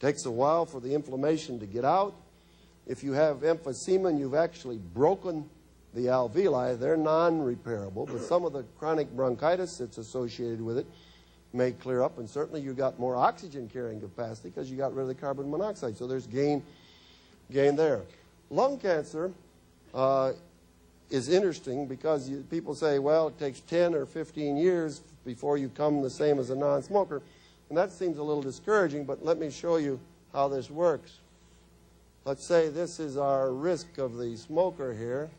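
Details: Adult male speaker; normal voice.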